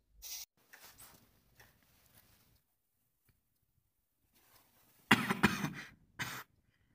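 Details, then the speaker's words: Actor in a medical students' World TB Day skit simulating suspected tuberculosis cough of two weeks, possibly with blood; several harsh cough bursts, single and short runs; cough. "But have you ever taken a moment to consider the ailments of these coughing people?"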